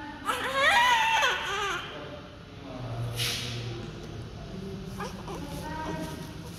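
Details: Healthy newborn baby under doctor's care: loud, high-pitched wailing cry, then quieter sounds with room noise; a normal vigorous newborn cry.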